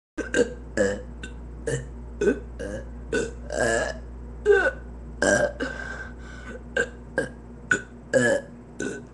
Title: long burping added